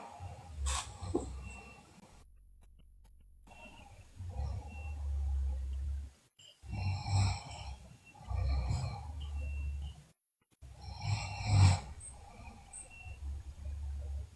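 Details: Sleeping girl snoring: rough, low snoring on breaths with snorting sounds and brief quiet gaps; the recording also features bruxism and delirious sleep episodes.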